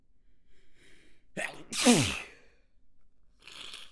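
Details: Manually induced sneeze after a stifled fit: quick breathy in-breaths, then a sharp, loud sneeze burst with falling pitch and a soft breathy exhale, part of a rapid sneeze fit.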